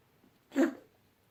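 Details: Pet animal's coughing fit: a single short, harsh, forceful burst of air, consistent with a cough.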